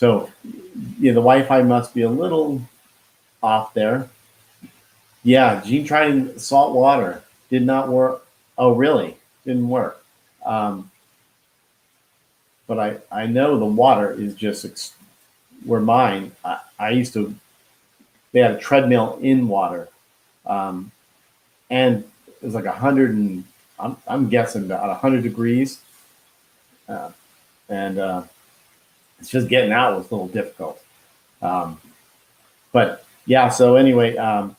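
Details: Man who had a stroke at age 49 and could not talk at first; he still loses words and says he was told it is expressive aphasia; finding: expressive aphasia.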